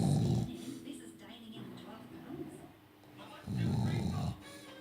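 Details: Sleeping father, who denies snoring, recorded snoring: deep, rumbling snores at the start and again after a few seconds, faint talk or TV sound behind.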